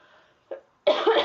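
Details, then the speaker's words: A short, harsh cough burst following a faint earlier hack; possibly the adult mother recovering from laryngitis and a chest cold, or her 5-month-old son with a chest cold and rattling lungs. "But he ended up catching a touch of what I had, and it got real nasty in his lungs, and you could just hear it rattling"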